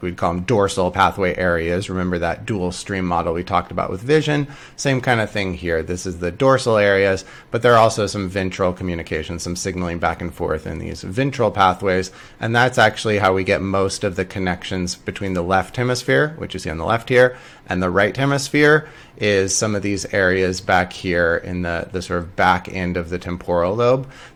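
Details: Adult male lecturer; normal speech.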